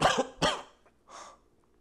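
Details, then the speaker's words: Acted paramedic skit: man who supposedly inhaled cinnamon (cinnamon challenge), head hurting and unable to breathe, gives two harsh explosive coughs then a softer breathy cough; acted irritant cough. "any chance you guys were doing the cinnamon challenge and accidentally inhaled a little bit and smashed your head on the countertop when you leaned over to cough your brains"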